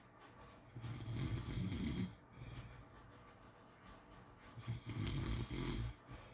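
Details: Two long, low rattling snores with quieter breathing between them, against steady room noise; ordinary snoring during sleep.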